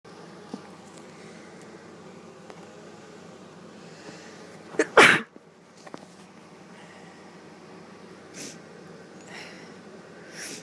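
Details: Morning sneeze: one sharp, explosive sneeze with a quick intake of breath before it, in a quiet room.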